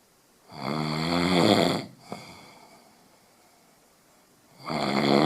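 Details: Very loud, rough, fluttering snores on breathing in, with a quiet pause between them, in a quiet room: snoring.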